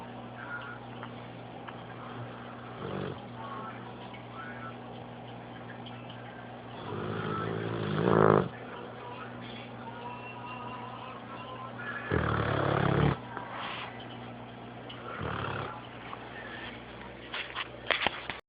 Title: Snoring dog